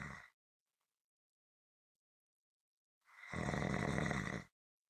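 A single loud, buzzing snore after a long silent pause, with the tail of an earlier one at the start; ordinary snoring.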